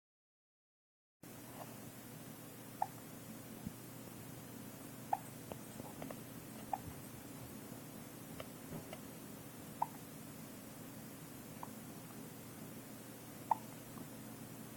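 Soft, sharp little hiccup clicks every one to three seconds over steady room hiss; newborn hiccups.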